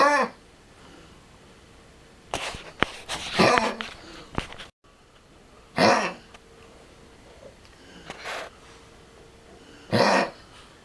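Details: Cough of a 13-year-old Lhasa Apso with tracheal collapse and an enlarged heart, coughing constantly for 6 months: repeated short, harsh, honking coughs in a quiet room.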